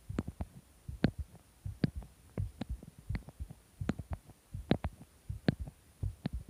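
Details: Heartbeat with an unidentified strange sound: low heart thumps at about 78 per minute with sharp clicking sounds over some beats.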